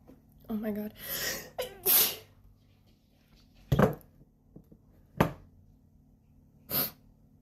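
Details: Tattooed woman's sneezing fit: a run of about five sharp, explosive sneezes, some preceded by a voiced intake, in a quiet room.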